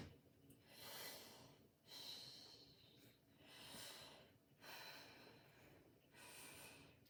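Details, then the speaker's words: Stethoscope auscultation of the lungs during a head-to-toe assessment, including bronchovesicular sites: slow, deep, regular mouth breaths with no wheeze or crackle; lungs clear: normal breath sounds. "lungs are clear to auscultation no adventitious living sounds such as crackles are wheezing to be noted"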